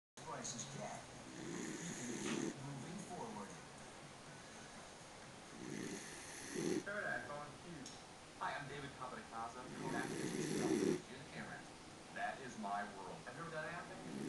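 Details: Snoring during a nap: rough, buzzing snores roughly every four seconds, about 15 a minute, with uneven breathy sounds between.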